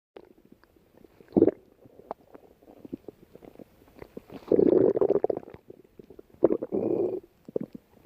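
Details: Fiona lying down, stomach growling: bubbling, gurgling rumbles from the belly in three bursts; ordinary stomach growling (borborygmi).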